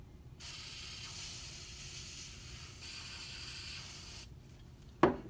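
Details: Two steady hissing bursts of aerosol skin toughener sprayed onto a q-tip until it is saturated, then a soft knock. This preps the skin above and below a laceration before steri-strip wound closure is applied.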